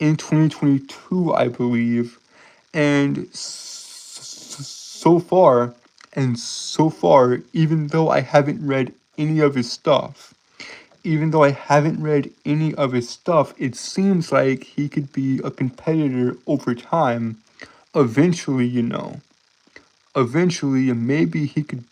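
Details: Male streamer who says he has a speech impediment causing him to stutter and trip over his words at any point; stuttering.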